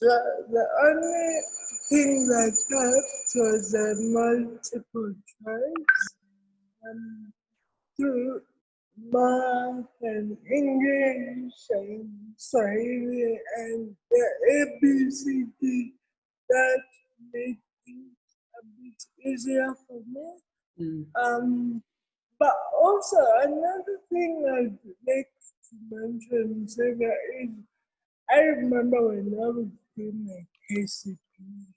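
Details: Adult woman with cerebral palsy present since birth; dysarthria (cerebral palsy).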